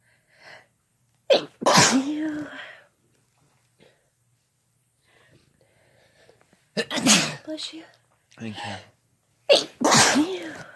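Several loud sneezes, each with a quick in-breath and a sharp burst, followed by brief replies: ordinary sneezing.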